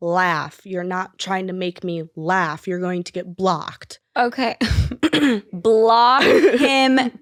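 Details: Vocal tics in a 20-year-old woman with Tourette syndrome, an involuntary motor and vocal disorder diagnosed in 2020, with swearing tics and tic attacks; interjected vocal tics are heard in her speech.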